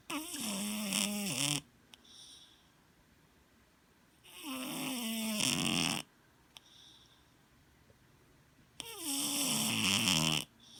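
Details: A cat, a former stray adopted about three months earlier, snoring: three loud, rattling snores about 4 seconds apart, with quiet pauses and a faint wheezy whistle between them.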